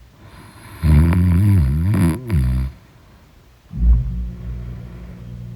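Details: Heavy snoring in deep sleep: a loud, rough, rumbling snore on the in-breath, a pause, then a second lower rumbling snore.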